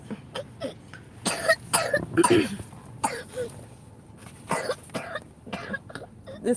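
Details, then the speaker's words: A child with a cold and a cough for a couple of days gives a series of harsh cough bursts with throat clearing, told to cough hard and spit it out: a wet, productive cough. "like man cough it out she got a little cough she had this cough for like a couple of days call off it out go ahead"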